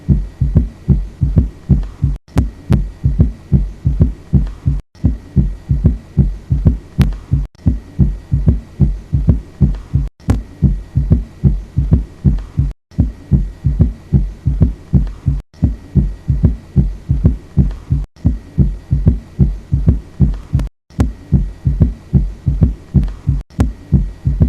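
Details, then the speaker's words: Heart auscultation with regular low heart sounds and an extra soft, dull, low-frequency early diastolic sound after S2, an S3 gallop from rapid atrial-to-ventricular filling, as in volume overload or reduced ventricular compliance. "uma quantidade normal de entrada de sangue durante a diástole pode desafiar a elasticidade ventricular e gerar o S3"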